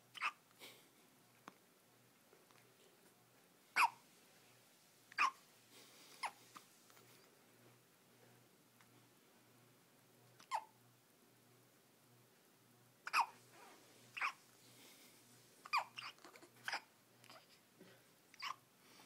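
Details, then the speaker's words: 6-day-old twin infants with hiccups: brief, sharp, repeated catches of breath at irregular intervals in a quiet room; infant hiccups. "synchronize hiccups mom your premonition may be right"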